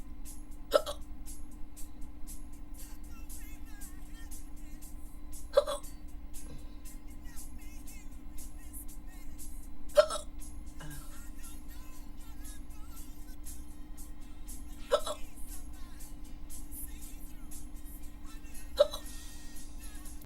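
Five sharp, abrupt hiccups about every four to five seconds, roughly 13 a minute, over a steady background hum.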